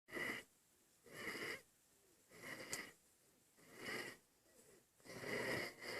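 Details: Noisy, rasping breaths in a steady rhythm, about 50 a minute, from an infant breathing hard; laboured breathing.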